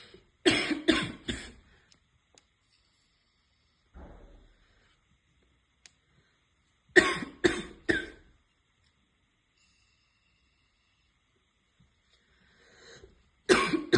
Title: Girl smoking and has a barking cough